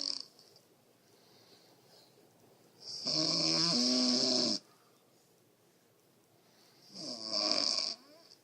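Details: Two long, loud, raspy breaths with a whistling edge and quiet gaps between them, with someone soothing "it's okay, buddy" beforehand; snoring.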